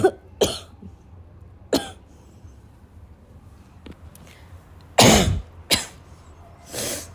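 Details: Afternoon coughing fit, tagged as a coughing girl with a barking cough, that started weak and grew violent: scattered coughs and throat clearing building to a louder, harsher burst with a quick follow-up.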